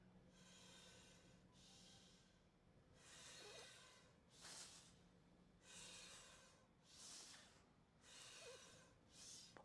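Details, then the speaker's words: Simulated labored breathing: a person breathes heavily and rapidly through a small soda straw to imitate a narrowed windpipe, as in collapsing trachea in small dogs, taking deep, accelerated, noisy inspirations. "what's happening I'm having to take really deep heavy breaths I'm having to accelerate and and speed my my Inspirations as much as I can so I can get more Airway"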